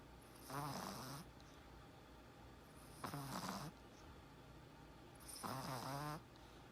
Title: Small Chihuahua dog snoring and sleeping with eyes open funny crazy cute